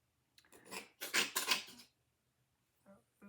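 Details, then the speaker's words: Cat's reverse sneeze, a quick run of harsh, noisy snorting inhalations; the vet says she has some sort of allergy. "that noise was the cat having a what the vet calls a reverse sneeze she has some some sort of allergy"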